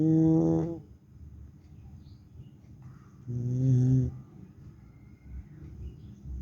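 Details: Two loud, voiced, rumbling snores a few seconds apart with quiet breathing between, from a tired person sleeping after qurbani; snoring.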